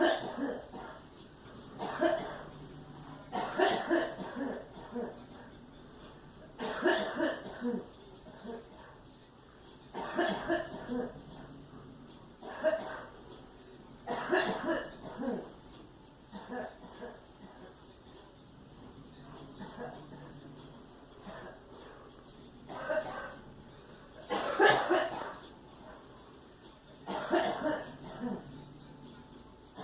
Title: Girl coughing in the background